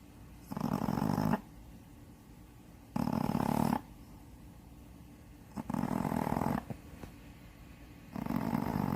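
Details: Seven-to-eight-year-old (estimated) Shih Tzu, blind in the left eye, who has had nostril-widening surgery, snoring in sleep: rough, rattling snores on each breath, about one every 2.5 seconds (roughly 24 a minute), with quiet gaps between.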